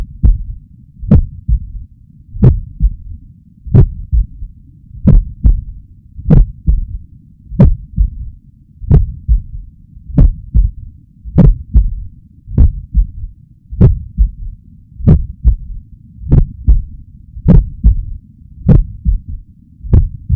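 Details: Speaker's own heart, possibly a trained athlete's: slow regular heartbeat near 47/min with a soft, low extra thud right after S2, an S3 gallop; low-frequency sound from ventricular filling, possibly normal under 40 or in athletes.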